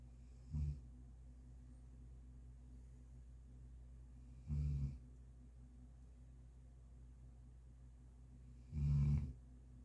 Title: pearl and her low snores.